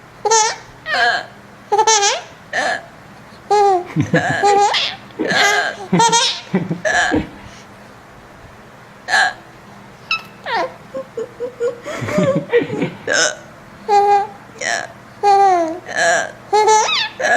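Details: Repeated short, abrupt hiccups mixed with bursts of laughter from an infant aged 4 months 22 days, the hiccups setting off giggling; hiccups.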